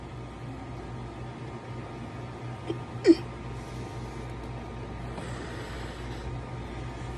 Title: How to get rid of hiccups using beer and a cigarette